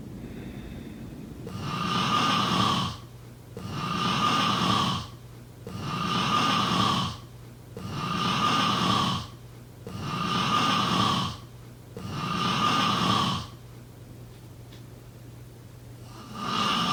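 Loud, rattling snores on each breath in, about 28 a minute, with quiet breaths out between; regular snoring.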